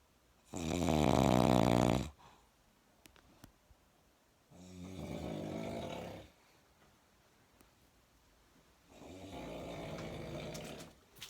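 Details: Nephew snoring like motorcycles: loud, rattling snores with each breath in, about three over ten seconds, separated by quiet pauses; heavy snoring.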